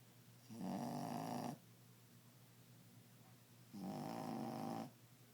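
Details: Dog snoring while asleep, louder than the owner has heard any human snore: two long, rough, rumbling snores about three seconds apart with a quiet pause between.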